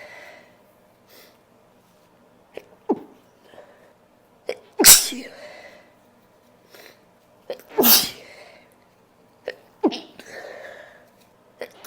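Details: Female, sneezing induced by tissue: two forceful sneezes, each with a sharp intake before the burst, among quieter sniffs and nose-blowing in a quiet room.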